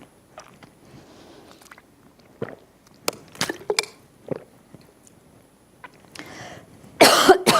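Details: Adult presenter coughing during a talk: a run of short, dry coughs and throat clears, ending in a louder, harsher burst.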